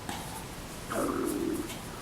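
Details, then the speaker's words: An adult's stomach growling after eating a lot the night before: a low gurgling rumble swells for under a second over quiet room noise; stomach growling (borborygmi). "My stomach's growling. I hope you can hear it. Oh gosh. It's like hard to believe I ate so much last night."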